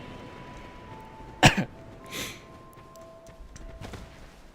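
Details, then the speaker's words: Adult live streamer with a common cold and sore throat, feeling better, gives a single short, harsh cough against faint background game tones and hum. "I got a really lovely cold just in time. Uh, I'm feeling better now. But if I sound a little grally or cough a lot, [cough] speaking of which, [snorts] that's why."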